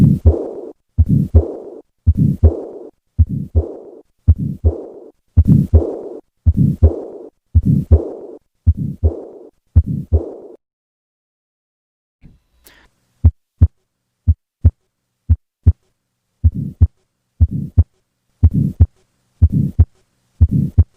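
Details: Tetralogy of Fallot on heart auscultation: a regular heartbeat with a harsh systolic murmur filling each beat.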